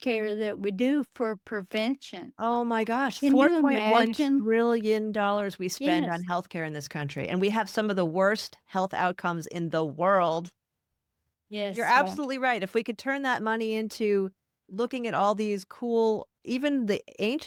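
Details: Adult women in conversation; normal speech.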